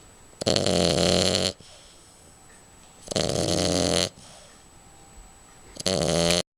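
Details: Loud, rattling snores, each about a second long, recurring roughly every two and a half seconds; ordinary snoring.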